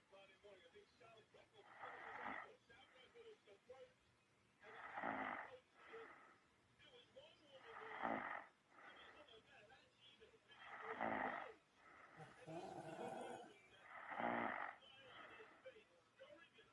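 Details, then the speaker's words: Sleep snoring. Loud, rough snores come with each breath, about 20 a minute and fairly steady, with no long pauses. Heavy snoring. "Okay, we got a little sleepy snores."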